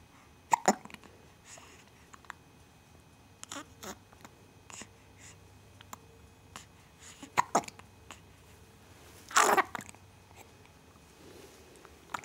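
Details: Hiccups: brief, sharp catching sounds repeating every few seconds in a quiet room, with one louder burst.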